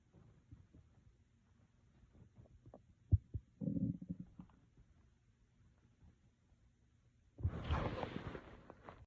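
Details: Hungry adult sitting at a desk after skipping breakfast, stomach growling almost nonstop: low gurgling and rumbling abdominal noises with brief clicks and a louder, longer gurgle near the end; borborygmi.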